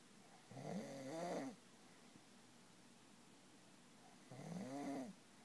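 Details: Snoring from a person described as drunk: two loud, rattling, tonal snores on inhalation, about four seconds apart, in a quiet room.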